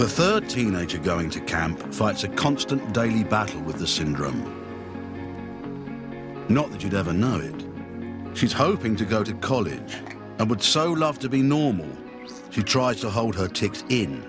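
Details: Adult male narrator; normal fluent speech.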